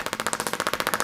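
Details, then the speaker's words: Radial shockwave therapy (Storz Medical) on a neck trigger point in the levator area, for neck pain from a spinal ligament injury, about 500 pulses: rapid, regular, sharp clacking at roughly fifteen to sixteen pulses per second. "so i'm gonna hold it on this trigger point for uh really just uh about 500 pulses or so"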